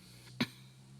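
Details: Radio presenter with a frog in his throat during a radio interview: a single short, sharp throat-clearing cough against a quiet room background.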